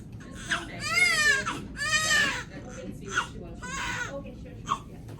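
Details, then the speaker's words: Newborn daughter crying after a caesarean birth in a Canadian hospital: loud, high, rhythmic crying in bursts with short gasps between, over quiet room noise; a vigorous normal newborn cry. "Super galing ng mga doctors dito sa Canada o umiyak ng bebe"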